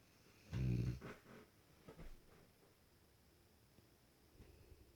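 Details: A sleeping Cane Corso, called the world's loudest snoring dog: one deep, rumbling, low snore, then quieter breathing noises.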